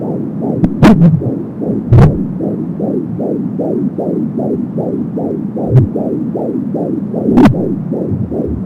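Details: Fetal heartbeat at 16 weeks of pregnancy on an Angel Sound home Doppler: rapid, regular whooshing at about 170 beats a minute, with occasional probe clicks.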